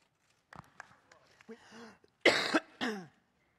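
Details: A few faint throat sounds and a strained voiced fragment, then two loud, harsh coughs in quick succession, part of a coughing fit while a woman delivers a speech.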